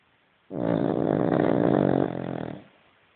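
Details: A Cavalier King Charles spaniel snoring loudly: one long, harsh, rattling snore lasting about two seconds.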